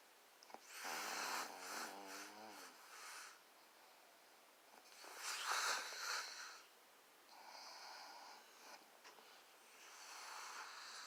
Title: she snore